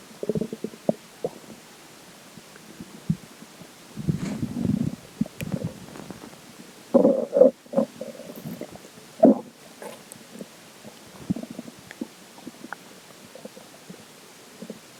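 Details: Stomach growling after drinking water: watery gurgles and bursts of rumbling, some squeaky; crackling from the water bottle at the end.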